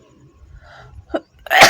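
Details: Person sniffing a tobacco-type substance to provoke sneezing; a short inward breath catch, then one loud, explosive, hissing burst; a single sneeze.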